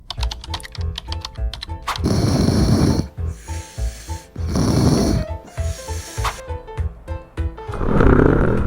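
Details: Snoring sound, one of several snoring types presented by a sleep service centre, which notes that any snoring may hide health risks.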